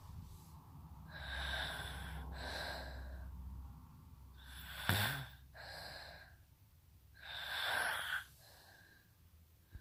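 Irregular noisy breaths with nasal snorts and a rough snoring quality, about five in ten seconds, over a low background hum.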